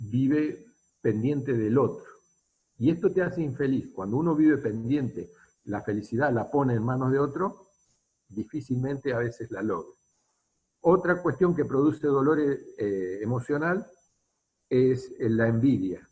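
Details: Adult male speaker; normal speech.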